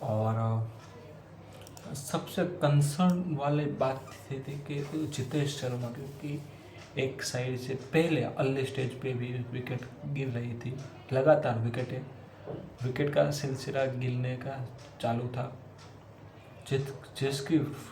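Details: Male self-identified person who stammers, doing spontaneous storytelling practice in Hindi as part of daily home fluency training; stuttering.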